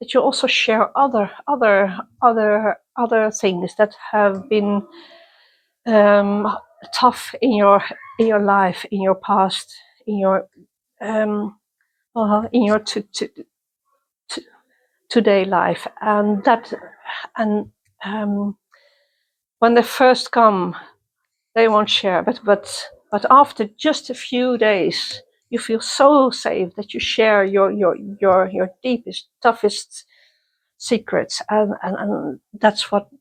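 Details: Adult woman who stutters, attending youth meetings for young people who stutter since 1995; stuttering.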